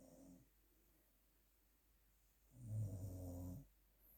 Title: Snoring demon